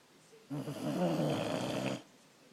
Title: Sweet snoring!